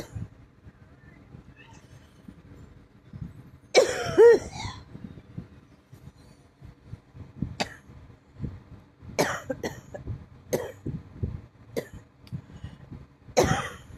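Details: Person feeling unwell with a bad cough, chest and ribs hurting from coughing: one harsh cough, then a run of short, sharp coughs over quiet room noise: persistent cough.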